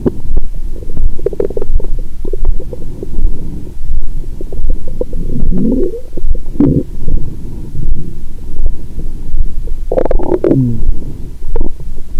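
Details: Continuous low gurgling and rumbling with louder bubbling gurgles, heard through a stethoscope on a woman's abdomen after drinking wine and a large Christmas dinner following a 22-hour fast; active bowel sounds.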